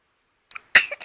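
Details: Baby nephew playing: a brief soft intake of breath followed by one sharp, high-pitched explosive burst. A single infant sneeze.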